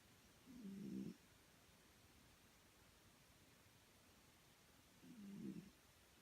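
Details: Snoring: two low, rumbling snores about four and a half seconds apart, with quiet breathing between them in a still room.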